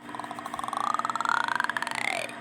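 A rising, croaky, pulsing belch lasting about two seconds; a burp sound effect from a cartoon.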